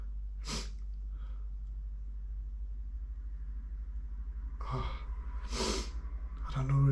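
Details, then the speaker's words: Two sharp explosive sneezes, each with a short breathy build-up, into a handkerchief over a low room hum; the person suspects autumn allergies (ragweed or dust) tickling the nose; sneezing. "I think I'm gonna sneeze. Oh, it's all wet."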